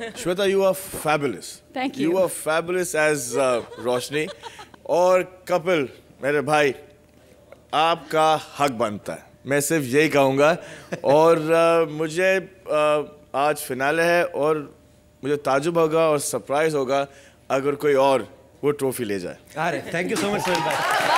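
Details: Adult male speaker on a TV show stage; fluent speech, no disorder.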